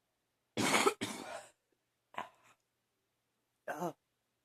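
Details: Four harsh barking coughs, the last more voiced and tonal, from an adult who woke up this morning coughing and wheezing; allergies suspected.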